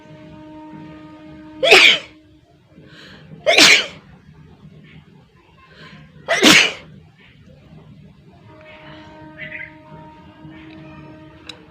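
Three sharp, explosive sneezes a couple of seconds apart over steady background music.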